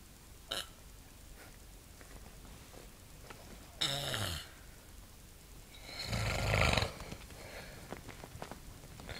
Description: My Dad snoring in the middle of the night!